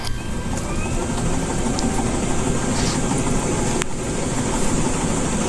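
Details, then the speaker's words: High-frequency chest wall oscillation vest (Model 105) running during a cystic fibrosis patient's airway-clearance treatment: steady low rumbling machine drone as the inflated vest shakes her chest to loosen mucus. "The machine compresses air, leads to these hoses, inflates this vest, and begins shaking her whole chest to get rid of the mucus."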